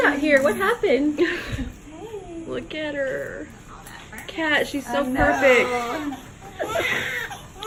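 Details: Short, strong wailing cries from a newborn baby girl just after hospital birth following about 24 hours of labor and a planned natural birth that did not go as planned, with adult voices close by; a vigorous newborn cry.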